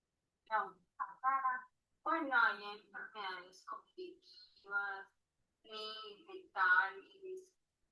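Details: Female patient with ataxic dysarthria due to a cerebellar disorder.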